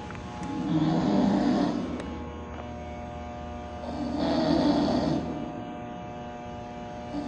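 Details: Man asleep during a recording session in a music studio: two slow, rough snoring breaths about three seconds apart, over a steady hum of studio noise.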